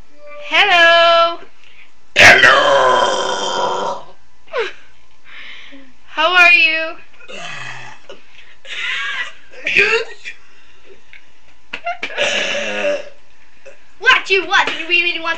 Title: Crazy Burping!!!